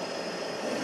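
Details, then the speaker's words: BiWaze Cough assisted-cough device in manual mode at a pause pressure of 14 cmH2O: insufflation (inhalation) airflow starts while the plus button is held. "La inhalatoria arranca una vez que presiona el signo más"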